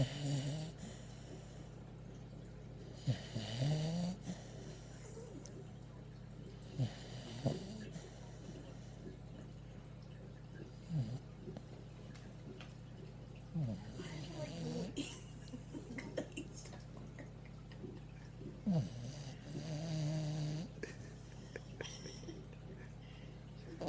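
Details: Beagle sleeping with her eyes open: low, rumbling snoring breaths at about 18 a minute over faint room noise; snoring.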